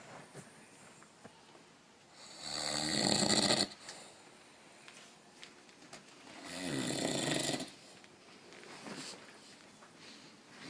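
Two loud, rattling snores on the in-breath, separated by quiet pauses, in a small room: ordinary snoring during sleep.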